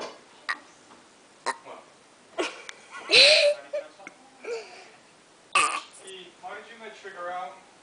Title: burping again!